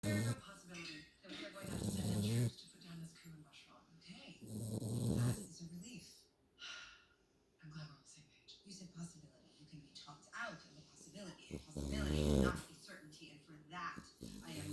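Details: Pit bull puppy snoring during a nap: repeated low, rumbling snores roughly every few seconds, with soft breathing in between.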